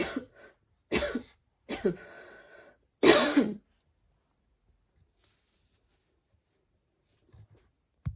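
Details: Person coughing while studying, an annoying ongoing cough: four harsh coughs in quick succession, then quiet room and a small breath noise.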